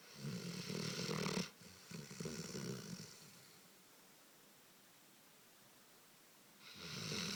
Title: Dogo canario schnarcht- dog snores